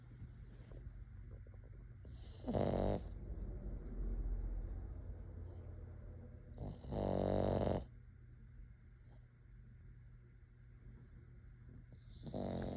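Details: Three loud rattling snores about five seconds apart over steady room hum during a quiet evening; snoring.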